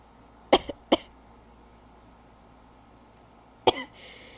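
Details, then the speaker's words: Adult with weeks of sneeziness blamed on pollen or dust and an itchy nose: two quick dry coughs, then a third after a pause, in a quiet room; cough. "oh God I'm sorry for the coughing my no is so itchy"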